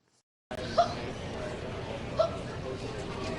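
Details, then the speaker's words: Intractable hiccups (persistent singultus) in a 15-year-old girl, ongoing about four weeks, up to around 50 per minute at the height: two sharp, high-pitched, squeaky hiccups about 1.5 seconds apart over busy room noise. "She would have around 50 hiccups in a minute during the height of it, and it would be just very intense and very fast and very high-pitched."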